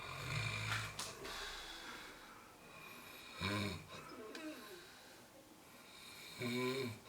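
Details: Person snoring, recorded 3 December 2016 in Daecheon: loud rattling snores recurring every few seconds with quieter breathing between, plus faint room noise; snoring.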